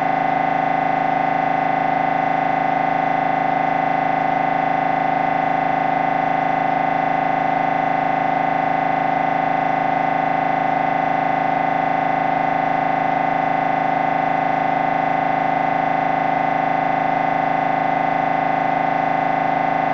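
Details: Loud, steady machine drone with rapid, very regular buzzing pulses throughout; MRI scanner noise recorded during a brain scan.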